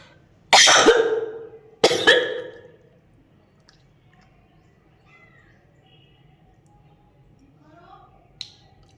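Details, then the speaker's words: Adult vlogger with heavy, thick phlegm, a sore and tight throat, voice change, and loss of taste and smell: two loud, harsh coughs with a rattling, phlegmy quality, then quiet; a wet, productive cough with spitting. "देख रहे हो ना, बहुत कफ गिर रही है, ना कुछ मुंह का स्वाद आ रहा है, ना हम कुछ अच्छे से सूंघ पा रहे, कुछ नहीं, गला पूरा पकड़ा हुआ है।"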